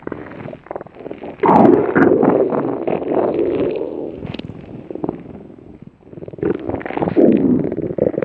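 Long gurgling, bubbling rumbles rising and fading over several seconds, typical of stomach growling.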